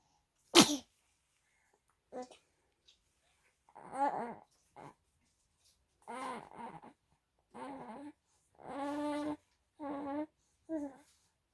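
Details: One sharp sneeze, then a series of short nasal snorts and squeaky breathing sounds in a quiet room: sneezing with noisy breathing.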